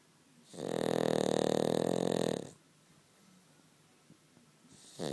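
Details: Cavalier King Charles spaniel sleeping comfortably between its owner's legs: a long, buzzy, rattling breath sound lasting about two seconds, with another starting at the end; snoring in a small dog.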